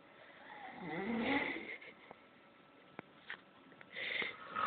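Low, rough rattling breath sound swelling and fading, with a second rise near the end: snoring during sleep.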